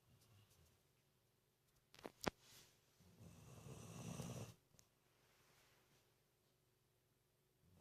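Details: 19-year-old dog Benji sleeping with eyes wide open: a single low, rattling snore after a few faint clicks, in a quiet room; snoring.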